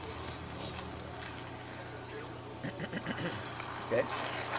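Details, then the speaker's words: Suction catheter inserted through a tracheostomy tube to aspirate secretions from a patient, with suction machine running; tracheal suctioning. "então aí liguei lá o aspirador a gente pega a aspiração pega a sonda e vai colocar lá ó dentro da tracon e a gente tá aspirando esse paciente"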